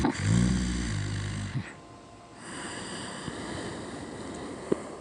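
One loud, deep, vibrating snore on the in-breath, followed by quieter breathing with steady background noise.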